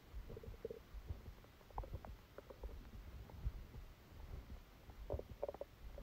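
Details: Bowel sounds during a stomachache after Christmas dinner, recorded while sleeping: faint, frequent gurgles and soft pops over steady hiss; active bowel sounds.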